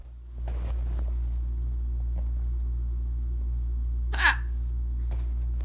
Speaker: so yeah I've been having hiccups all day okay do you think they stopped okay ah nope they didn't